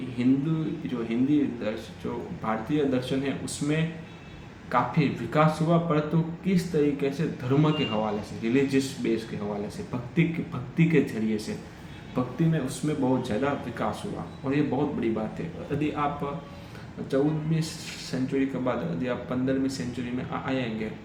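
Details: Adult man who stammers, speaking Hindi on day 7 of a daily fluency practice routine with breathing exercises; he stammered earlier that day on the phone; stuttering.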